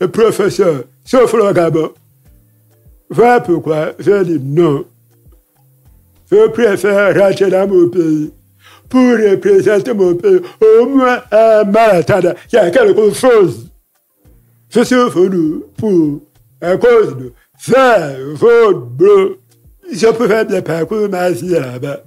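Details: Man with hearing loss from a childhood illness, lip-reads; he says his voice is not normal because of that illness; real French speech; deaf speech.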